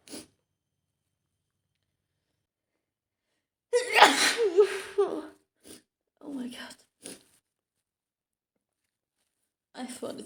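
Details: Simulated sneeze by a young woman role-playing coming down with a cold after being out in rain yesterday, first thought to be allergies: one forceful sneeze with a sharp in-breath, then sniffles and soft speech.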